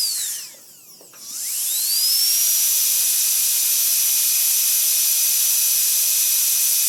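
Dental drill whine sweeping up and down in pitch, dropping briefly, then spinning up to a steady very high-pitched whine.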